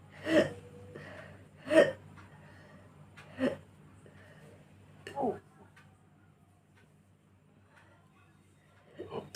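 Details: Natural hiccups recorded for a hiccup challenge: five short, abrupt vocal catching bursts, spaced irregularly over about nine seconds in a quiet room.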